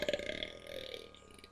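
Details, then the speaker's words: A single short, rumbling belch that fades out, during a burping contest between siblings; burping. "We're We're having a burping contest. And I'm the better burper."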